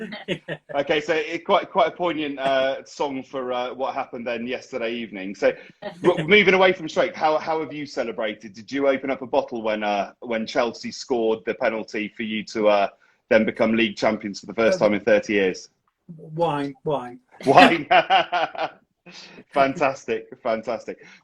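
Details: Adult man speaking; normal speech.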